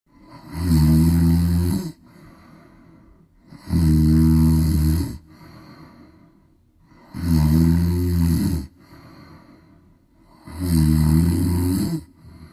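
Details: Cat snoring during storms: loud, rough, rumbling snores on each in-breath with quieter out-breaths, about 18 breaths a minute.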